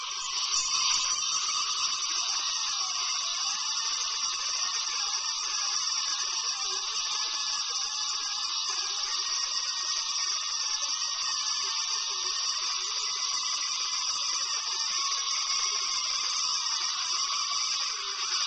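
Steady high-pitched whine of a dental drill with small pitch wavers, heard throughout a tooth filling.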